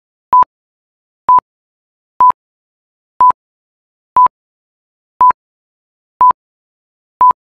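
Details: Hospital cardiac heart-rate monitor: steady, evenly spaced single-tone beeps at about 60 per minute tracking the heart rate.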